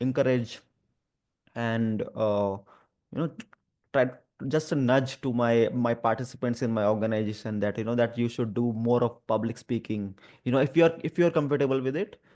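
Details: Adult male who stammers, especially on the 'through' sound and on his own name; stuttering.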